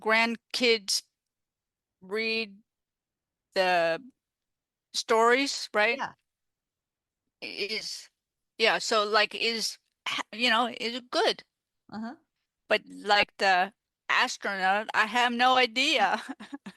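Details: Female stroke survivor with aphasia after stroke, speaking in an interview; aphasia.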